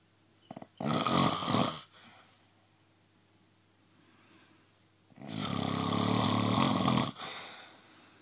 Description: Don't know why she moans, sleeping next to this would be therapeutic :-)